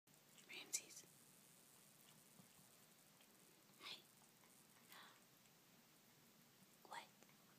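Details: Pet cat sneezing: about four brief, soft, hissing bursts of air spaced apart in a quiet room.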